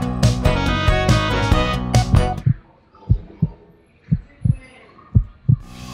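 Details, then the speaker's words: Heartbeat heard with a stethoscope during a pretend puppy vet checkup at a children's museum: a few soft, regular low thumps, about eight beats in three seconds, after loud music. "yeah so let's just check his heartbeat ready"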